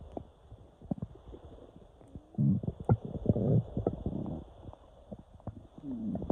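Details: Low gurgling rumbles and squelches that come and go over several seconds: borborygmi from gas and fluid moving through cramping intestines, recorded on waking with cramps.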